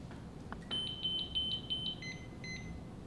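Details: Simulated adult cardiac arrest: once the leads are attached and the monitor is set to defib mode, the defibrillator gives rapid high-pitched electronic beeps while analyzing the rhythm, detecting ventricular fibrillation before the shock is charged.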